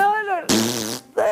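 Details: Reality-show housemate's flatulence at bedtime: a brief vocal sound, then a half-second buzzy, low rumbling fart, followed by another short voice.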